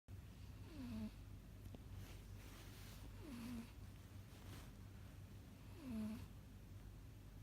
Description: My cat Remi snoring